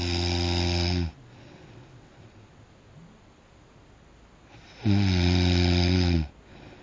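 Two long, loud, low rattling snores on breathing in, separated by a quiet pause of several seconds: heavy snoring.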